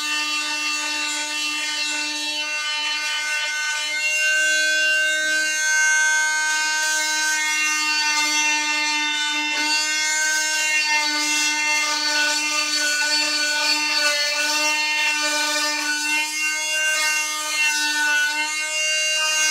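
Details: Cast removal: steady high-pitched whining buzz of an oscillating cast saw cutting through a cast.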